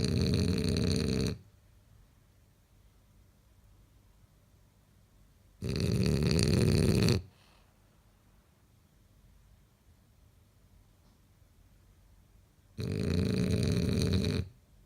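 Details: Male French bulldog snoring in sleep: three loud, harsh, rattling snores on each in-breath, about one every six seconds, with quiet gaps between; typical flat-faced dog snoring.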